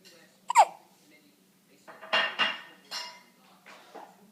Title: Baby Hiccups